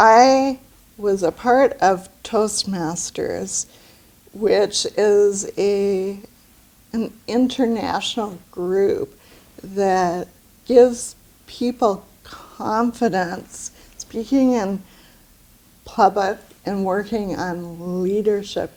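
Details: Adult woman with aphasia after a stroke about two years earlier, with word-finding and pronunciation difficulty; aphasia.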